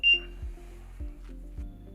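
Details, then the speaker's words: A sharp electronic beep, then repeating tonal alarm pulses: the vent inop alarm of an LTV-1000 portable transport ventilator sounding when it is switched off after pre-use checks. "looking at the vent and up led is illuminated and the audible vent and up alarm sounds we can silence this"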